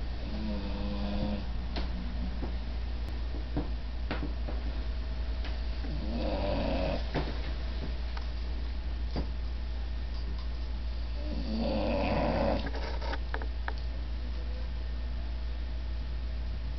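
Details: Old man at rest: two slow, rough snoring breaths about six seconds apart, over a steady low hum; ordinary snoring.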